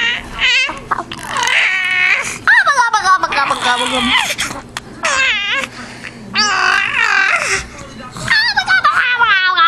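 High-pitched wavering infant crying and fussing, with an adult voice and soft background music.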